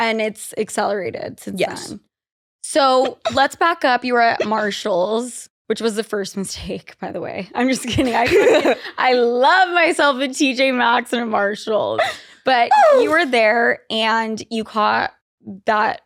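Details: Adult woman; normal speech.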